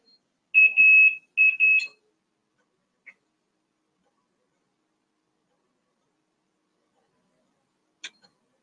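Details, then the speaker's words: Infusion pump alarm during a Tysabri infusion: a few high electronic beeps, then silence, signalling the Tysabri is finished and someone needs to come in before switching to saline for about an hour. "that beeping means that someone needs to come in and that means the Tysabri is done and then I'm gonna switch me over in saline for about an hour so the beeping will persist"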